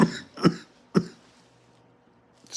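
Three short, sharp cough bursts in quick succession, then quiet: a brief bout of coughing.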